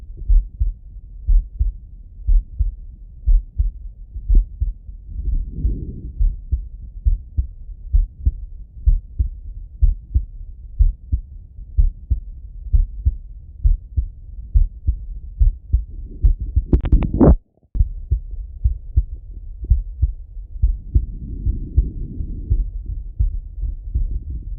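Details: Male heartbeat auscultated through a stethoscope: a steady lub-dub at about 60 beats a minute; normal heart sounds.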